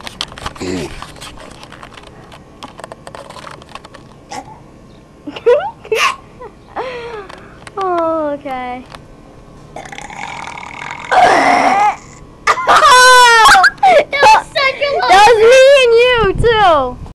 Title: beast burps ever